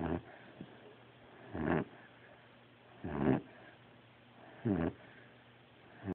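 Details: Snoring: four rough, low breaths about every 1.5 seconds, around 39 a minute, with quiet pauses between them.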